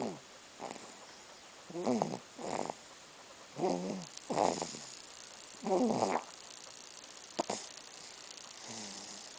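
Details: 4-month-old baby snoring: short, irregular rattling snores with quiet pauses between them in a quiet room.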